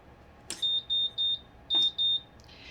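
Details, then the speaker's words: MVM ventilator alarm test with test lung disconnected and circuit blocked, high pressure limit set to 50: repeated high-pitched electronic beeps in quick groups, the high pressure alarm. "apply that now i'm going to disconnect the lung and block"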